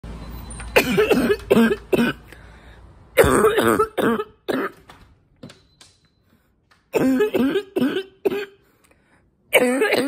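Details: Adult feeling more congested over the past week, hoping allergies clear up: repeated bursts of harsh, barking coughs in quick runs with brief pauses, congested and chesty throughout.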